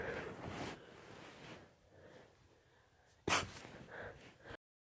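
Quiet breathy inhalations, then one sharp explosive burst and softer follow-up noises; a sneeze.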